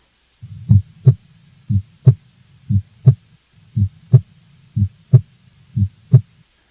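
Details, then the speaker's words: Regular paired lub-dub normal S1 and S2 heart sounds at about 60 beats a minute, S1 and S2 close together followed by a longer pause after each pair. "y so what you should hear is the ldb of S1 and S2 close together and then you should hear a long pause and then the love dub again"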